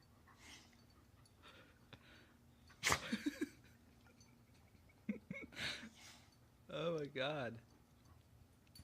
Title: Lula sneezes like a human